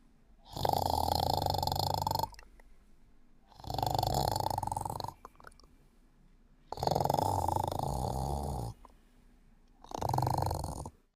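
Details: Loud, harsh snores lasting one to two seconds each, roughly every three seconds, with quiet pauses between; a person sleeping and snoring.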